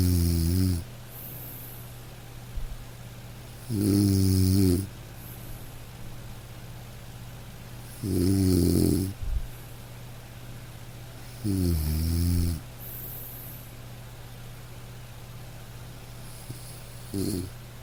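Loud rattling snores on each breath in, about four in 17 seconds, with steady room hum between them; ordinary snoring during sleep.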